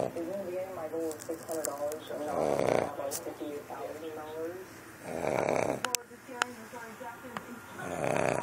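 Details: Loud rattling snores alternating with squeaky, whistling nasal breaths, about three cycles in eight seconds; a dog snoring noisily.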